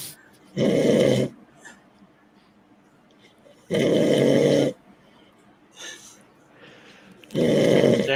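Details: Person snoring loudly, "cutting logs": three loud, rough snores about three seconds apart, roughly 18 per minute, with quieter breaths between; snoring.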